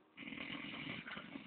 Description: rocando bien cabron